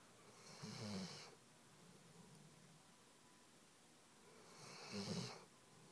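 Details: Weimaraner dog snoring while sleeping on the couch: soft snorting snores with a hissing edge, two breaths with a quiet gap between.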